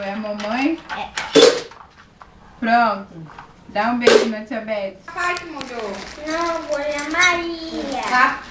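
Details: Young child speaking Portuguese, possibly with an adult nearby; child speech.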